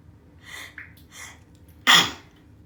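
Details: Sneezing during bath time; person says they induced the sneezing and are still sneezing a bit even when not inducing. A few quick breaths in, then a single sharp, explosive sneeze.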